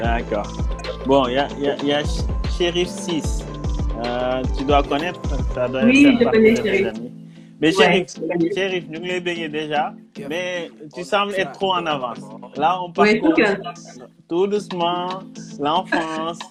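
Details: Adult speaker; no disorder.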